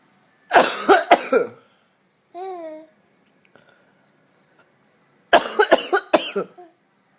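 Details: Two short bursts of deliberate adult coughing (father), each a few sharp coughs, with a brief high infant squeal or laugh between.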